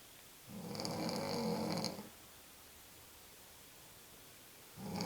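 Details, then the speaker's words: Sleeping person: one rough, rattling snore of about 1.5 seconds, then quiet, with the next snore starting at the end; snoring. "good morning lumberjack you need some oil for that chain sighs you're running gonna be real attractive"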